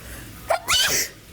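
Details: A short intake followed by a single sharp, hissing sneeze during a reality-show task where housemates try to stay still, with wasps distracting them.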